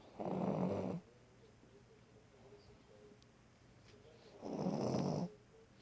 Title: Doggy snore